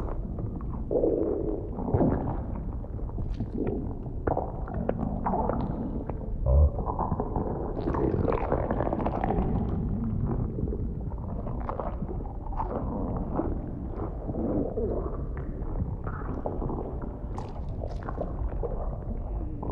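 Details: Staged ASMR role-play of stomach noises as food digests, not a clinical recording: continuous close-miked low gurgling and rumbling with occasional pops; stomach rumbling (bowel sounds).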